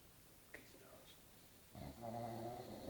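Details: Staffie (Staffordshire bull terrier) dog snoring: a faint sniff, then a single low, rumbling snore-like breath in a quiet room.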